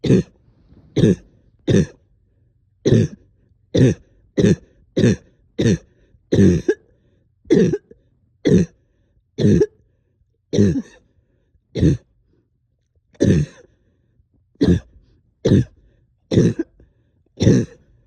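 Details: Repeated harsh cough, about twenty single coughs roughly one a second, some with a throat-clearing quality, in someone up all night coughing with stubborn sticky phlegm, heavy chest and headache.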